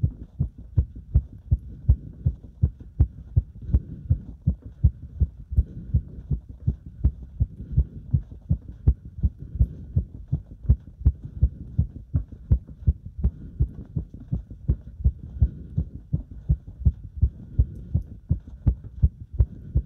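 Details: Heart sounds recorded during step-up exercise: fast, regular heartbeat with loud thumps over a steady rumble of movement; normal heart sounds during exercise.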